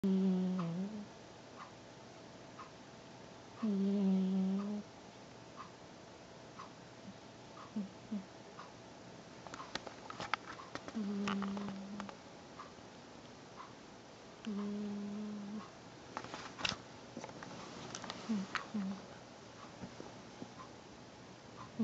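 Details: Fluffy Persian cat asleep squeezed into a small box, snoring with soft humming tones recurring about 16 times a minute.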